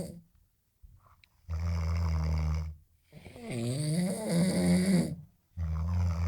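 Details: Two sleepers snoring in a room, two third-year civil engineering students in a snoring competition: loud, deep, rumbling snores of one to two seconds each, with a rougher, higher-pitched snore in between.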